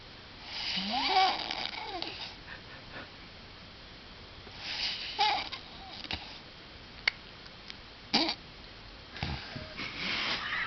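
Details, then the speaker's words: Woman snoring during sleep, in denial about it: irregular noisy breaths roughly every four seconds, some with whistling, nasal squeaks and sniffs, in a quiet room. "Now, if you she doesn't believe me she needs a psychiatrist because that girl can snore."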